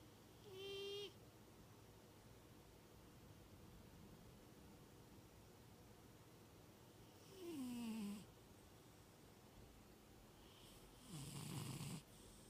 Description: My nine years old, 25lb Tuxedo male cat snores loud every night.